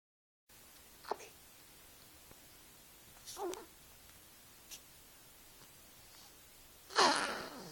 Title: Baby cough